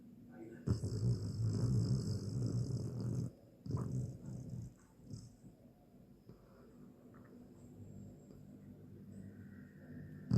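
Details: Sleeping, dreaming dog, a half Lab, cuddling an arm: low rumbling snore bursts, then fainter irregular snuffles and breaths fading into quiet; dog snoring in sleep.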